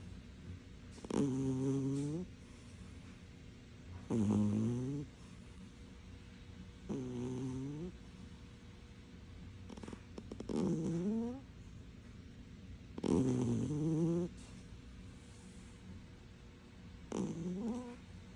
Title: Cat Snoring Loudly 💤😴